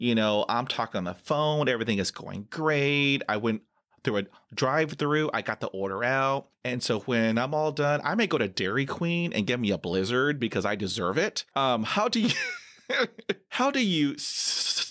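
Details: 39-year-old man who has stuttered as long as he remembers, with speech therapy through elementary school until discharge after 7th grade; he has blocks and uses word repetition to get past them, with audible repetitions; stuttering.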